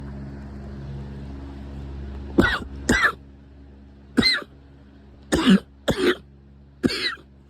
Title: Coughing frenzy